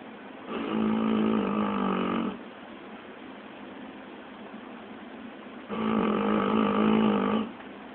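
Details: Pet dog snoring in sleep: two long, loud, buzzy snores separated by a quiet breath in.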